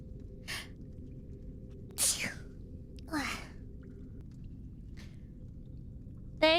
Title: BLESSED SNEEZE #36